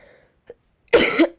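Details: Single short, harsh cough after a brief sound from a girl who says she is ill, recorded while narrating a video.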